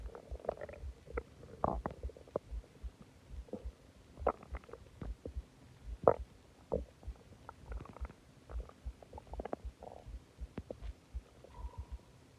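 Repeated gurgles, squeaks and low groaning rumbles from the belly: loud stomach growling, an ordinary digestive sound.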